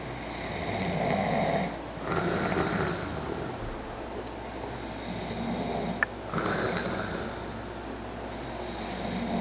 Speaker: snoring like a terrorist.